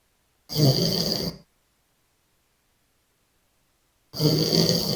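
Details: Snoring: two loud, harsh, rattling snores about four seconds apart, with dead silence between them.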